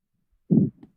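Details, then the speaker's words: Simulated pulsatile tinnitus: a single low whooshing thump with a faint echo that beats with the heart, here portrayed as a quickened heartbeat. "심장 동이랑네 이런 소리가 어 박동이 빨라진 거죠 네 이런 식의 박동성 임명도 있고"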